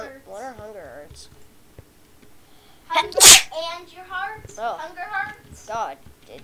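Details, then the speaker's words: A single loud, sharp, violent-sounding sneeze amid children's casual chatter during a Minecraft gaming session: sneeze. "did nobody else hear that sneeze? I did. That sounded violent."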